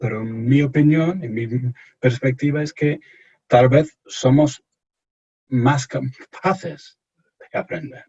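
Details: Stuttering in an adult male from England speaking Spanish as a second language in an interview; he reports anxiety and pressure when speaking.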